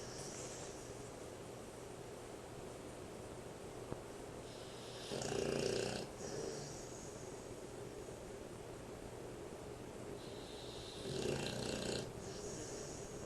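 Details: American Bulldog snoring loudly enough that his owner sometimes leaves the room: two rough snoring breaths over steady background noise, roughly one breath every six seconds.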